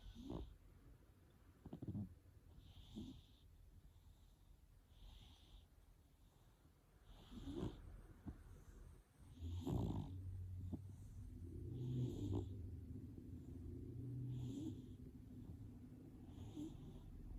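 Soft, rhythmic snoring breaths from a sleeping cat, about 27 a minute, with faint room noise; ordinary snoring.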